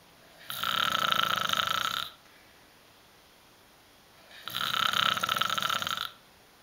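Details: Adult man snoring in sleep after a long night: two loud, buzzing, rattly snores of about 1.5 seconds each, with quiet pauses between them.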